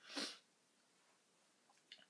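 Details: Single sharp sneeze from a person who says she is sick and tired, then quiet room sounds with faint sniffing; rain in the background.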